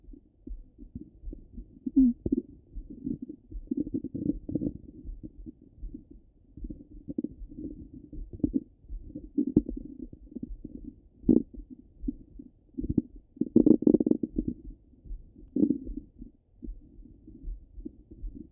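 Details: Stomach rumbling from a half-hour recording, heard through a stethoscope: continuous low gurgling and rumbling with irregular louder bursts, bowel sounds.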